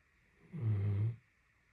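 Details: Female Great Dane snoring during a nap, snoring for a solid 30 minutes: a single deep, rumbling snore of about half a second.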